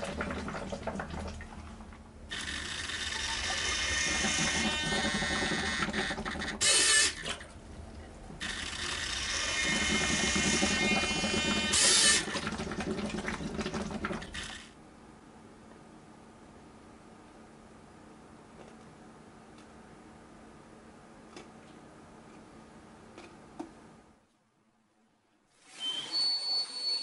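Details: DIY positive pressure mechanical ventilator (volume 1.4 L, flow 100 l/min, pressure 250 mmH2O, intrinsic PEEP 100 mmH2O) operating: two long rushing, whirring mechanical bursts, then a quieter steady hum.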